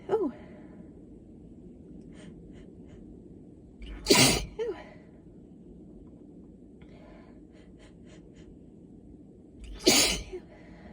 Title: Intensifying allergy sneezes